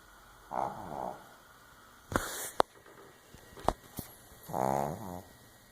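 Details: Snoring: two soft, vibrating breath sounds several seconds apart, with a few clicks and rustles between them.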